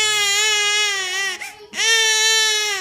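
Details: Infant crying, which onlookers say is without tears: loud, sustained crying with a steady pitch, two long wails broken by a brief catch of breath.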